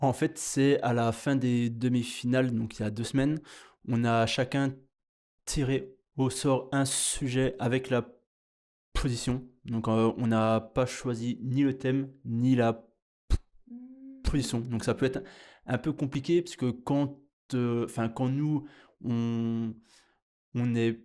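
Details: 30-year-old finalist of a stuttering eloquence contest; stuttering.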